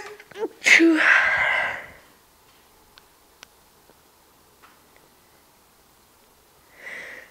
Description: Yeah, me sneezing. Thats my first, so don't be mean. :)